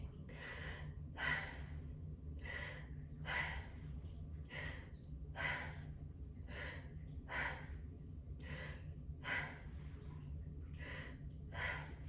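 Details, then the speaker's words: Normal breath sounds during auscultation of a woman taking slow, regular deep breaths on request: clean airy inhalations and exhalations, no wheeze or crackles, lungs clear with equal aeration bilaterally in all lobes. "Perfect. Her lungs are clear to auscultation, and it sounds like equal aeration bilaterally and throughout all of the lobes."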